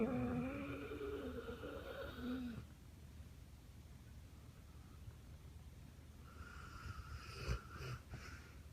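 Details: Redbone coonhound sleeping on a couch, a loud snorer who sometimes runs and chases in his sleep; soft, low rumbling snore with a brief rustle near the end: dog snoring.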